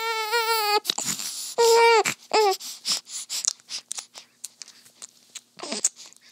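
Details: A few brief wails from a newborn baby girl, then soft sucking, smacking and breathing sounds during her first feeding; a newborn cry.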